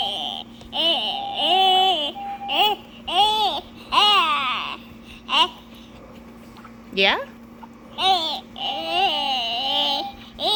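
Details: Child with tracheostomy; vocalization with tracheostomy cuff inflated.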